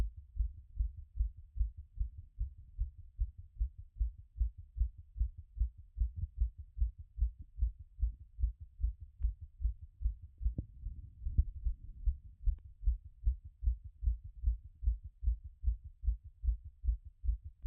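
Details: Own heart through a stethoscope after a workout: fast, steady heartbeat settling from a peak around 180 a minute; normal heart sounds after exercise.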